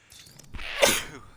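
A single sharp sneeze with a short breath in before it; an ordinary sneeze.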